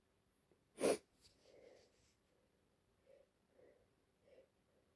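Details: Female with allergies, congested with a runny nose, at the end of a sneezing fit: one sharp, explosive sneeze, then quiet sniffs and breaths in a small room.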